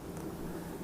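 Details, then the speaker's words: Echocardiography: low-pitched rumbling whoosh of a tissue Doppler signal from the mitral annulus, medial and lateral, recorded to measure e' for diastolic function. "medially and the E' laterally. And you also hear that's a nice tissue Doppler signal, and I always have more than one signal to compare in atrial fibrillation"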